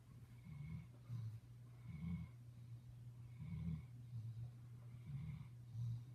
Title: Bear the Dog snoring